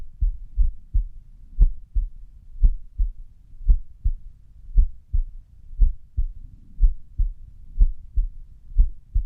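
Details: Heart sounds recorded at rest: low paired thumps near 58 a minute with uneven spacing between beats; irregular heartbeat (arrhythmia).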